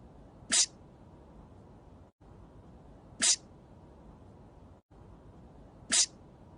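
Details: Simulated animated-character sneezing: three identical brief, sharp sneezes from Emil von Selle (Legend of the Galactic Heroes) looped evenly at about three-second intervals over steady hiss.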